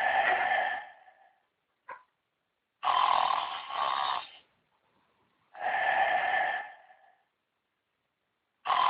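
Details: Rory the tiger asleep after a night on stage, snoring: three loud, raspy, drawn-out breaths about every three seconds with silent gaps.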